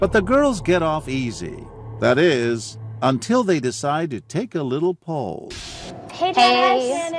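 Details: Adult male speaker; normal speech.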